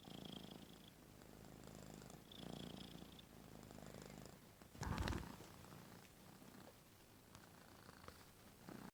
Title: cat snoring with open mouth